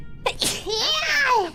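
A single sharp sneeze, a quick in-breath then an explosive burst trailing into a high vocal tail, with faint music behind.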